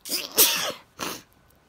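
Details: Two sneezes in quick succession, a sharp hissing burst with a voiced catch, then a shorter second burst; sneezing.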